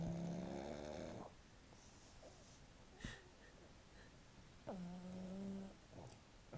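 Two loud, buzzing, rattly snores separated by quiet breathing; snoring in a flat-faced dog.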